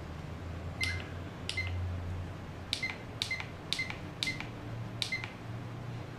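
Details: Mindray SK-600 II infusion pump demonstration: seven short, sharp electronic beeps, one per down-key press, over quiet room hum, as the volume setting is lowered from 180.6 ml; infusion pump keypad beeps.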